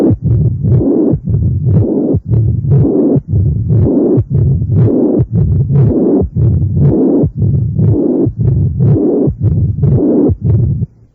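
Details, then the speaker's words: Rigid immobile mitral valve with an orifice of 1.5–2 cm²: heart about 59 a minute, loud systolic then diastolic murmurs; S1 not accentuated, and an opening snap or third heart sound is unlikely. "ambos soplos sistólico bibi atómicos pueden ser intensos usualmente el primer ruido no está acentuado hay pocas probabilidades de que exista un chasquido de apertura o un tercer ruido cardíaco"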